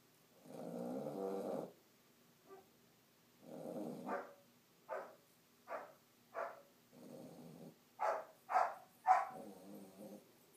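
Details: Sleeping puppy makes long, low rattling snores on the in-breath, alternating with short snorty puffs: snoring.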